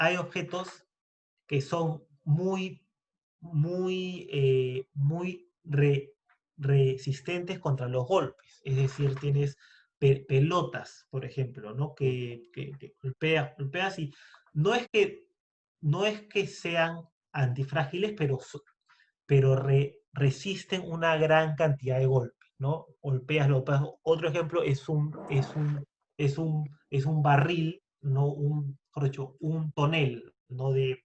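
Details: Adult man who stutters, speaking Spanish in a podcast conversation; stuttering with word and part-word repetitions.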